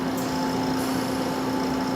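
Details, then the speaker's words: Steady mechanical hum with a constant low tone and faint hiss from a Caire Companion 5 stationary home oxygen concentrator (up to 5 L/min) running just after switch-on. "to power on the unit simply press the button upward"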